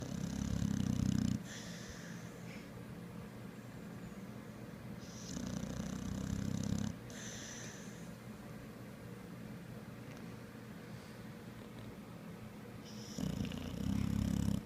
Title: Sammy The Pit Bull sleeping on the couch snoring with a smile.